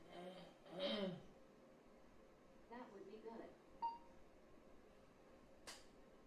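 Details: Adult woman with bulbar ALS, a BrainGate participant using an implanted brain-computer interface that decodes her attempted speech; speech largely unintelligible; severe dysarthria.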